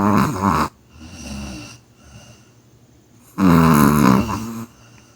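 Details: Snoring in deep sleep: loud, deep, rattling snores on in-breaths, with softer out-breaths between them.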